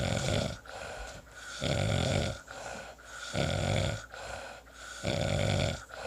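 Loud rhythmic rattling snores on each breath, about 35 breaths a minute, with quieter exhalations between; ordinary snoring.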